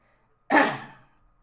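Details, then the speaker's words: Single sharp, explosive adult cough with sudden onset and short fading tail in a quiet room, during a podcast; speaker apologizes for coughing so much and thinks it's hay fever. Finding: cough. "sorry for coughing so much i think it's hay fever"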